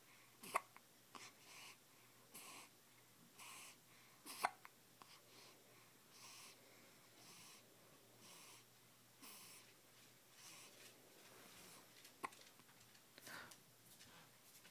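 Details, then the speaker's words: A 2-week-old baby has the hiccups, with soft, brief catching sounds at about 15 a minute against faint room noise; hiccups. "Somebody has the hiccups again. So I just ate breakfast. Now I have the hiccups."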